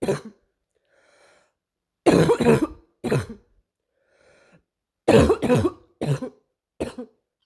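Repeated coughs in short clusters with throat clearing, about six coughing bouts with quiet breaths between; a recurring cough.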